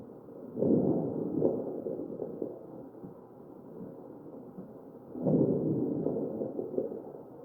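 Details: Crackles in the chest of a ventilated patient.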